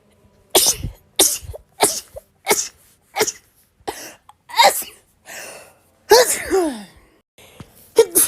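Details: A rapid run of about eleven short, sharp sneezes, some with a voiced squeak, from a person in a compilation of rapid sneezes; repeated sneezing in quick succession.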